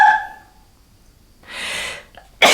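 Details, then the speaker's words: A brief voiced catch, a pause, a hissing burst and a sharp explosive release: a sneeze, which the speaker blames on the cold weather. "Non mais il fait tellement froid que j'éternue, tu vois."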